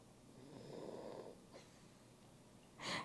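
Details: Snoring from sleeping pets ("fellons") lying on the speaker on a couch.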